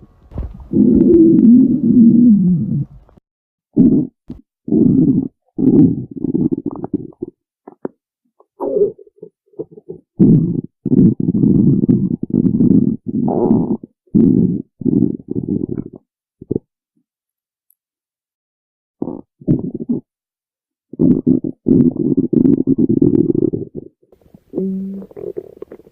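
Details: Loud bursts of low gurgling and rumbling from the belly, broken by short silent pauses: stomach growling (borborygmi).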